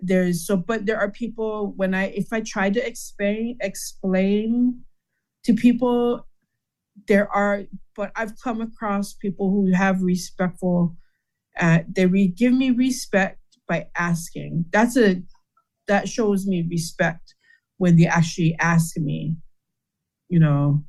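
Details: Adult man with aphasia after a stroke in which part of his brain died, with word-finding difficulty; aphasia.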